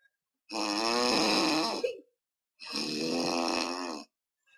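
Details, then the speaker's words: Drug-induced sleep endoscopy with monitoring in a 32-year-old male, BMI 27.5, AHI 52.5 (mostly obstructive apneas): snoring from funnel-type soft palate collapse, only the lower part collapsing, mainly anteroposterior, slightly lateral, with apnea episodes. "It's a funnel type of collapse. Only the lower part of the soft palate is collapsing. Majorly anteroposterior, a little bit lateral."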